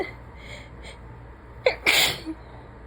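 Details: Sick woman: short indrawn breath, then one forceful wet sneeze with a brief trailing sound; single sneeze.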